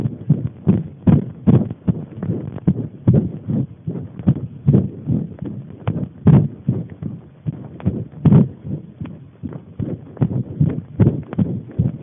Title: pressed heart